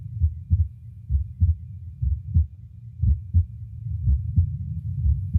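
Regular lub-dub heart sounds at about 60 a minute with no added sounds, a normal heartbeat.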